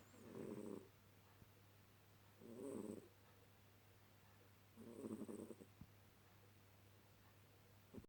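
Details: Cat snoring softly during her lazy afternoon nap, with three rattling breaths about every two and a half seconds.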